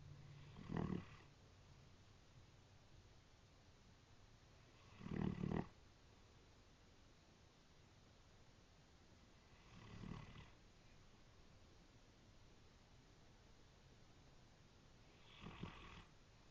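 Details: A sleeping brindle Great Dane snoring, said to sound like a train: four low, rattling snores about every five seconds, roughly 12 a minute, in a quiet room.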